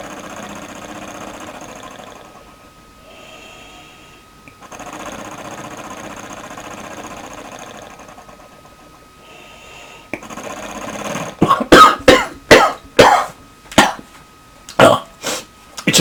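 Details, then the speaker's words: Adult man with bronchiectasis caused by follicular lymphoma using a flutter valve positive expiratory pressure device: loud rattling bursts as he breathes out through the fluttering valve to loosen phlegm, with soft background music. "fairly simple device arm hey just look valve in there that flutters that causes pressure to go back into my lungs and gets under the flame and brings up all this"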